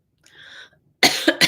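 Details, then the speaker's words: A woman whose lingering cough she attributes to seasonal allergies from blooming trees takes a soft breath, then gives two sharp, harsh bursts of dry cough during a live broadcast. "I do still have a cough, but that's kind of related to my um allergic situation."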